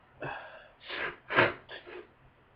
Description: I just woke up with a wicked head cold. It brought really powerful sneezes and a lot of congestion.